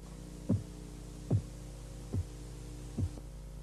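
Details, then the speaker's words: Blood pressure measurement: four soft, low, muffled taps at about 72 a minute over a steady hum, taps dropping in pitch; Korotkoff phase 4, the accepted diastolic reading in children. "Durante la fase Korotkov 4, el sonido de los golpeteos baja de tono y el sonido se amortigua. Korotkov 4 es la medición diastólica aceptada en niños."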